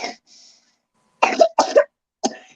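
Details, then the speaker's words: Three loose, rattly, phlegmy coughs from a child who had just eaten cereal, in a quiet room: a wet cough. "yeah yeah yeah yeah put some Vicks Vapor Rub on him that sounded terrible rub it up he was wanting to make noise because I wouldn't let him be seen on my camera yeah but that sounded like a like a wet call a wet cough"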